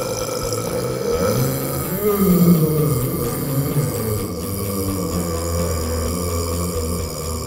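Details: Burping championship: a long, loud, deep-voiced deliberate belch rumbling over background music.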